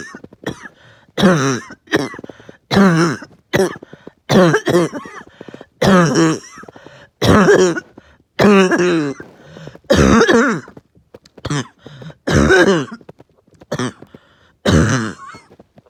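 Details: Uncontrollable, really bad barking cough at night: an adult coughs in repeated harsh, voiced, barking bursts, more than a dozen in quick succession, knocking the wind out of them.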